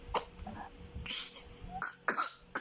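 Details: Infant aged 2 months and 9 days, whose caregiver calls it a hiccup: a few short, harsh bursts of air close together, like a brief cough or throat clearing, in a quiet room; cough.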